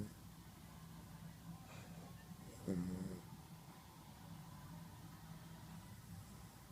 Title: My dog ginger is snoring on the couch.